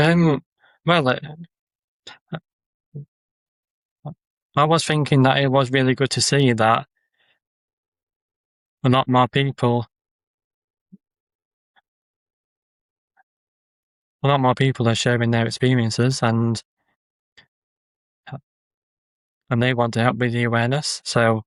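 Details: Adult man with a stammer who uses social media videos to build confidence; word and phrase repetitions and pauses; stuttering (stammering).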